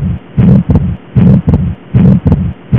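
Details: Heart sounds via stethoscope: steady rhythm near 77 per minute with a drawn-out first sound and soft murmur, presented as an abnormal heart sound of atrial septal defect.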